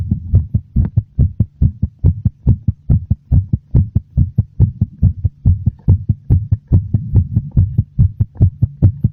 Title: [Heartbeat sound] A slightly fast, very noticeable heartbeat.